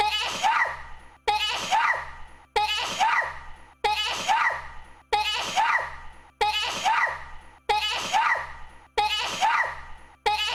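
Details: A single forceful sneeze from a VTuber stream, repeated as an identical loop about eight times at even intervals; sneezing.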